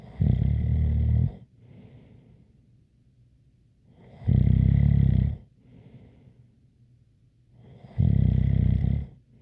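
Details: Deep, loud snores about four seconds apart, each followed by a faint whistling breath out: snoring with a light whistle.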